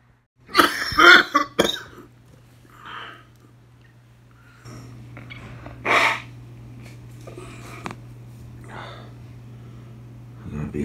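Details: Ill adult worker in Riyadh, self-treating while sick: a cluster of harsh coughs with throat clearing, then scattered further coughs over a steady background hum.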